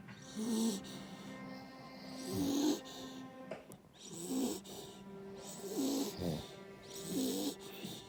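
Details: Repeated low rattling snores with each breath, about 30 a minute, over background music; the recording compares the snoring of an American Bully dog and a man: snoring.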